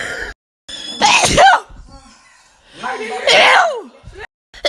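Two loud, explosive sneezes, each with a short voiced lead-in and a sharp burst of air, separated by brief quiet gaps.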